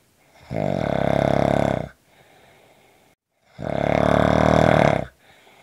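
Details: Two loud, rough, rattling snores on breathing in, each about 1.5 seconds, with quiet breathing out between; heavy snoring.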